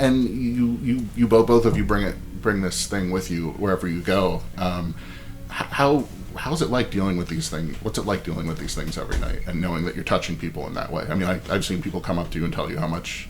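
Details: Adult male interviewer; normal voice.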